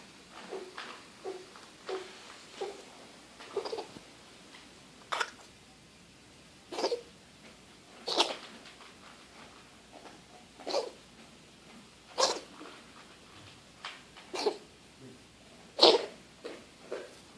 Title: Spark Cough